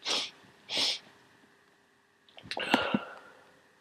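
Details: Someone with a cold who woke up sneezing and congested: two sharp sneezes in quick succession, then a wetter, congested sneeze with sniffling; very messy, wet cold sneezes.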